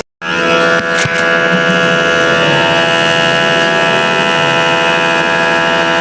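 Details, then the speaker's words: Repaired 2017-model nebulizer pump motor, previously not drawing air properly: brief click then steady loud motor hum and buzz running evenly; nebulizer compressor working normally after repair. "So ito na guys. Okay na. Maayos na itong gumagana. So tingnan natin kung 'yung pag-pump ng motor nito is okay."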